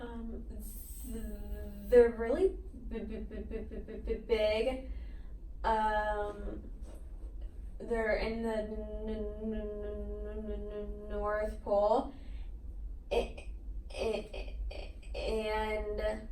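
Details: Child who stutters, in a speech therapy session, reports hard eye blinks, getting stuck, repeating sounds, holding sounds out and moving the head forward when stuttering; stuttering.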